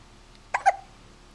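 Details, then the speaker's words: About one-month-old (four-week-old) infant hiccuping in a vibrating chair: two quick, sharp voiced catches close together in a quiet room; infant hiccups. "here we are with Ty he's about a month old he's got the hiccups"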